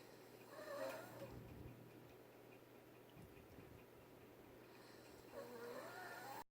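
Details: Snoring likened to an elephant's: two rattling inhaled snores separated by a quiet pause, suggesting about 11 breaths a minute, with faint room noise.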